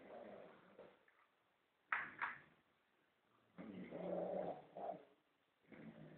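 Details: Person snoring in a mountain refuge.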